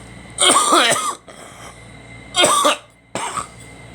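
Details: Three harsh, throaty cough bursts from the person recording, separated by pauses, against a steady background hum.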